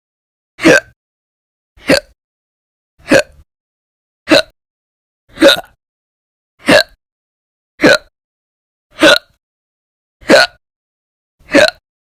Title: 3/1/20 to 3/31/20, Violent, Bad Very Loud, Silent, Minute, Second Hiccups Audio Only